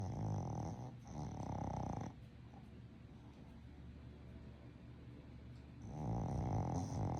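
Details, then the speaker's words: Loud, low, fluttering snores with quieter breathing between them from a sleeping Boston Terrier: snoring. "Hi, little hot rod. You snoring over there?"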